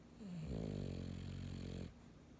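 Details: Sleeping dog snoring: a single long, low, buzzing snore on an inward breath with a rattling tone.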